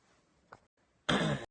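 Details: Single cough or throat clear: a faint click, then one loud, harsh, forceful burst in a quiet room.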